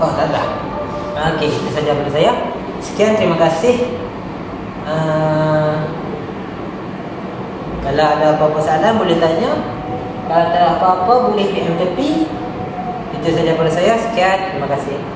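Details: Adult speaker; normal speech.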